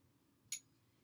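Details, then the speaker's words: Weber hearing test during a head-to-toe assessment demonstration: a tuning fork is struck with a single sharp metallic tap and brief faint ring before being placed on top of the patient's skull. "Our next test uses a tuning fork. It is the Weber test. So I will take a tuning fork, I will strike it,"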